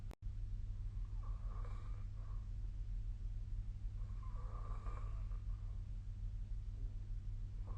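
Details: Snoring during sleep, recorded overnight with a snoring-tracking app.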